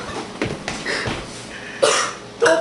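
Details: Cough in an adult after drinking a shot of Everclear grain alcohol, with complaints that it burns; cough.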